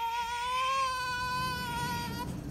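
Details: Newborn girl, delivered after a long induced labor with epidural and forceps: a single sustained, high, steady wail lasting about two seconds over faint room noise; a newborn cry.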